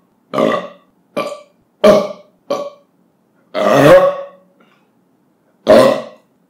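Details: Compilation of burps after drinking soda or beer and eating: six separate voiced burps over about six seconds, some short and one longer; ordinary belching.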